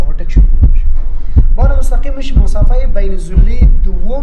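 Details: Normal heart sounds.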